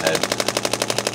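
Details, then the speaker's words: Rapid, steady mechanical tapping at about twelve pulses a second from a radial pulse shockwave therapy device in a chiropractic session, for an adult man's right-sided neck strain extending into the shoulders. "today we're going to be doing some more of our radial pulse shock wve"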